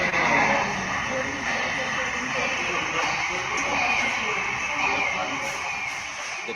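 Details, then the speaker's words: Transcranial Doppler of cerebral flow in neurocritical care: harsh flow noise with brief high whistling musical tones, likened to end-expiratory asthmatic wheezes; musical murmur of cerebral vasospasm. "Just focus on the musical note. It will be something like if you are auscultated an asthma patient, there will be small wheezes at the end of expiration. Like that sound you will get."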